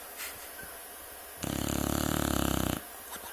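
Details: Loud snoring during sleep: one loud fluttering snore lasting over a second between quieter breaths, over steady background noise.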